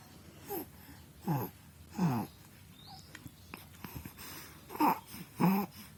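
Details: A sleeping baby snoring: soft, rattly snores with each breath, several within a few seconds.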